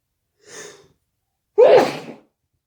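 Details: Person stuffy and sneezy: a soft indrawn breath, then one loud explosive sneeze; a single sneeze.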